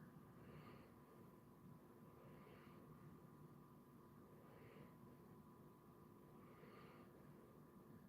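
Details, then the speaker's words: Basset hound dozing during an afternoon nap, soft snoring audible when listening closely; snoring. "Yeah, they're just doing their afternoon nap. And then we see this is our nap to prepare for their nap. If you listen closely, you can hear Handsome Jack snoring."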